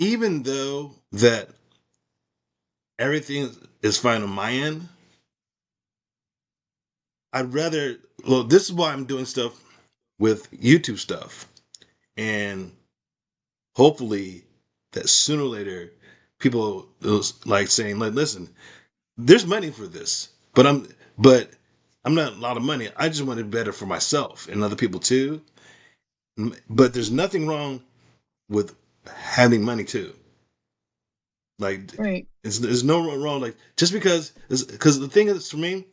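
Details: Adult male with aphasia after a stroke, practising speech as part of his recovery. Finding: aphasia.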